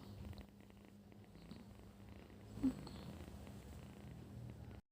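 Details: A sleeping pet cat, just after a bath, purrs with a steady low rumble throughout, a sign of contentment and comfort near its owner.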